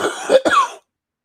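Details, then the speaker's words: Adult who says they are having trouble breathing and may be wheezing: one short cough followed at once by a rough throat clear. "Pardon my breathing. I'm having trouble breathing."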